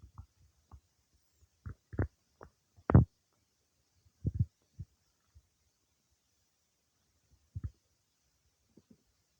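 Scattered low gurgles and clicks from the abdomen with quiet gaps between them. These are ordinary digestive bowel sounds after eating.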